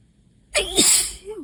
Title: 5/1 - moooore allergy sneezes!